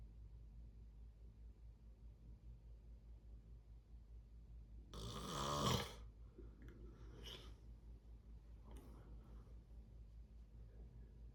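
One loud, rough snore over steady low room hum, followed by a few softer breathing sounds: snoring during sleep.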